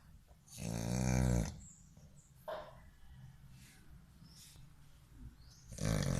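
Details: American Bully dog: two loud, low, rattling snores separated by quiet breathing; dog snoring.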